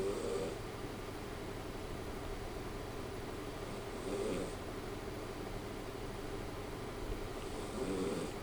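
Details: Loud, regular snoring bursts, about 16 breaths a minute, over a low room hum, from a sleeping cat described as sounding like a tiny elephant; snoring.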